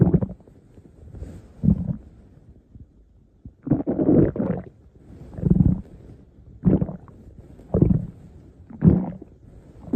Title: My stomach growling